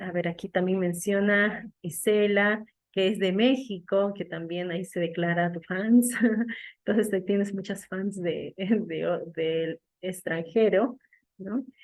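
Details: Adult woman; normal speech.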